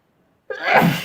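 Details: Silence, then one sudden, loud voiced sneeze burst; an ordinary sneeze from a sneezing compilation.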